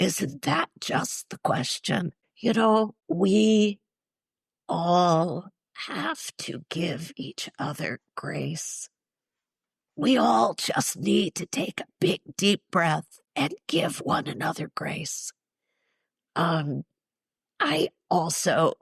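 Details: Adult woman, former choir singer, with neurological (basal ganglia) spasmodic dysphonia plus essential tremor, especially affecting vowels, treated with Botox injections to the vocal cords; spasmodic dysphonia.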